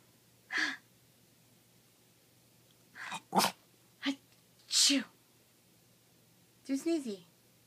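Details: Yorkie sneezing on command: five or six short, explosive sneezes with quiet gaps, prompted by the owner saying "achoo"; repeated sneezing.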